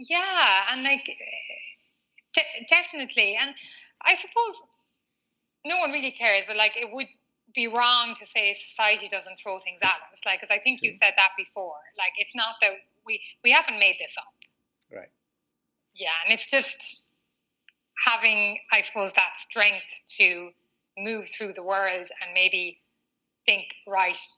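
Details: Stuttering in a 39-year-old woman, a former covert stutterer who now stutters openly, with a word-repetition pattern; she has had speech therapy including fluency techniques.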